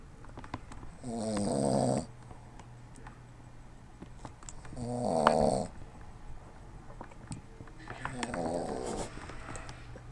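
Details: An adult man, passed out asleep, snoring: rattling, fluttering snores on breathing in, roughly every three to four seconds, with quiet breathing out between.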